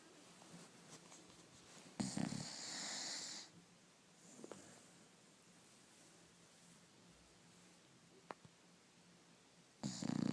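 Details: Bulldog asleep in a quiet room: two hissing, rough breaths several seconds apart; snoring during sleep.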